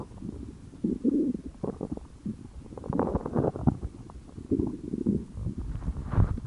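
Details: Hunger-related stomach growling and gurgling, borborygmi.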